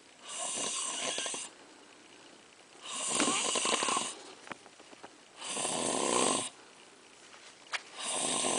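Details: Snoring while a puppet show plays: loud, rough, hissing snores in long bursts with quiet gaps, roughly three breaths in eight seconds; snoring.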